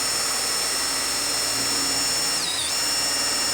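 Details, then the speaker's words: Surgical power drill during ankle arthrodesis with a TARSUS intramedullary nail: trocar removed, 5.0 mm drill bit through the drill guide at the spiral hole, drilling anteriorly. Steady high-pitched motor whine with a brief pitch dip as the bit loads in bone. "retiramos el trocar y procedemos a la perforación con la Broca de 5.0"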